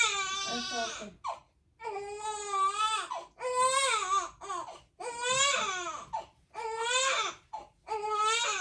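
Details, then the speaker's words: Colicky 4-week-5-day-old newborn girl crying at night after a feed, burp and diaper change instead of sleeping: long, loud, high-pitched wails with brief gasping pauses, persisting without settling. "I just changed her diaper. I thought she's done and she's gonna sleep, but no. No, हमें अभी तक नींद नहीं आई."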